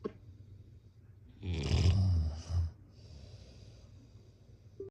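One loud, deep, rattling snore on the in-breath, then a shorter grunt and quiet breathing out, from a sleeping adult.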